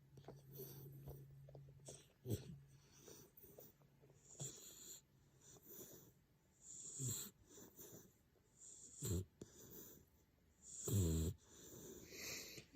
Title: Puppy snoring